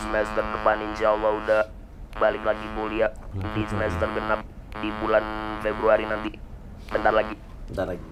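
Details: Male university student whose larynx was crushed when a hanging fibre-optic cable caught his neck while riding a motorbike; larynx and vocal cords removed, breathes permanently through the neck, speaks with assistive device; electrolarynx speech after total laryngectomy.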